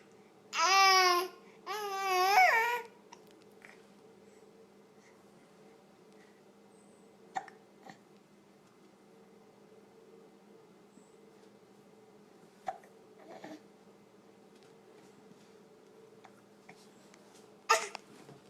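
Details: Infant girl, after babbling, goes quiet and gives three or four brief, sharp hiccups spaced several seconds apart; hiccups.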